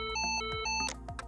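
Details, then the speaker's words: Lifepak CR2 fully automatic defibrillator in a CPR training demonstration on a manikin: voice prompts to stand clear, steady electronic warning tones, then clicks and noise as it delivers a shock automatically; AED shock delivery tone. "preparing to shock this divorce will deliver a shock automatically to the patient everyone clear do not touch patient delivering shock"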